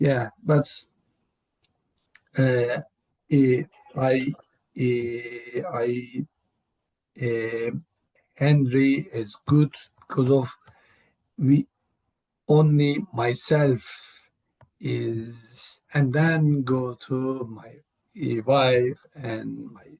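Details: Aphasia in a man, a panelist at an aphasia conference; real, unscripted speech.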